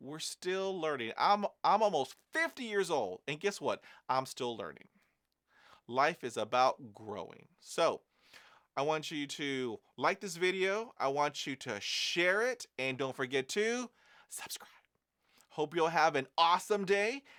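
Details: Adult man who stutters, reporting fluency phases in which his speech varies and using breathing techniques to manage blocks; word repetitions heard; stuttering.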